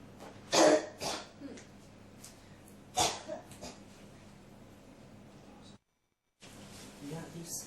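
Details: An adult coughs in short bursts, about four sharp coughs over several seconds, against quiet room noise: a persistent, recurring cough.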